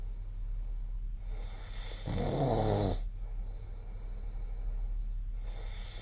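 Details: Snoring during sleep: one low, rumbling snore on the in-breath over steady room noise, with softer breathing around it.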